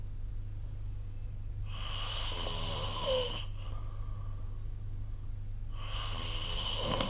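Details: Snoring recorded with the SnoreLab phone app: two long, rough inspiratory noises of about two seconds each, separated by a quiet pause, over steady low room hum.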